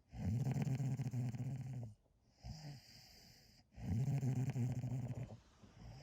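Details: Sleeping dog snoring: loud, low rattling snores on each in-breath, about 17 a minute, with softer noisy breathing between them.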